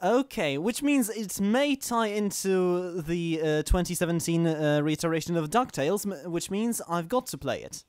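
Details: Adult man who stammers, recording while standing to reduce stomach muscle tension; stammering (stuttering).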